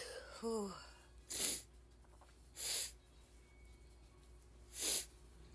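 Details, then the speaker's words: Woman with ragweed allergy in an itchy allergy attack: a brief voiced sound, then three sharp, hissing sneezes in about four seconds, a rapid sneezing fit she can't stop. "sorry just guys I can't stop sneezing I guess I'm just gonna keep recording and see how many I how many times I sneeze so I guess we'll see good sneeze again"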